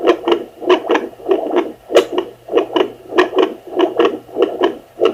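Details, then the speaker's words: Rhythmic swooshing pulses near 97 a minute on a home Doppler used by a non-pregnant woman with no hCG; her own heartbeat, possibly palpitations or an echo, easily mistaken for a fetal heartbeat. "you can watch the numbers kind of go up and down and up and down but you can hear he's very distinctive swooshing and beating just listen closely"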